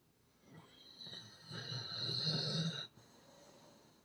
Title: Thor Snoring